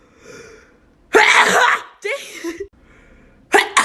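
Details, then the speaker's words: A woman deliberately makes herself sneeze, trying with her eyes open. There is a forceful, noisy sneeze-like blast, a voiced outburst, then another short burst; she calls one a "phantom sneeze." Self-induced sneezing. "I didn't come out it was like a phantom sneeze"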